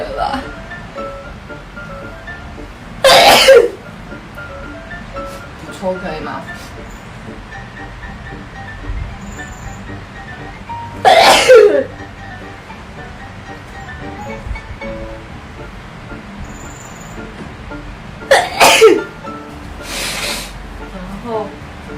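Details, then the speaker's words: Young Taiwanese woman gives three sharp, explosive sneezes several seconds apart, induced by a nasal swab test, with quiet background music; sneezing. "怎么办？我打喷嚏，太难受了。"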